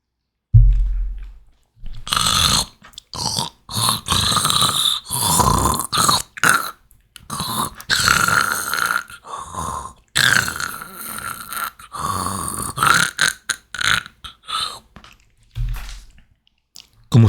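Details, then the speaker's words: Airway gurgling from secretions in the upper airway, a wet bubbling sound heard on both inspiration and expiration, taught in a basic airway management course; can impair breathing and lower oxygen saturation. "Gorgoteo son secreciones en la vía aérea. Escucha."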